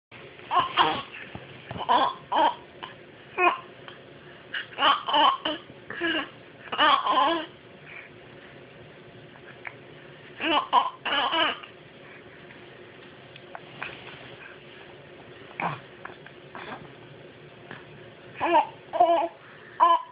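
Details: Infant making short, repeated voiced grunts with a throaty, clearing quality, separated by quiet pauses: strange throat-clearing grunts.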